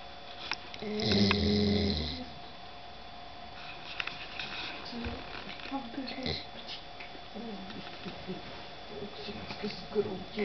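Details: Dog asleep, very tired after a dog show trip: one loud, low, buzzy snore, then quieter breathing noises in a small room.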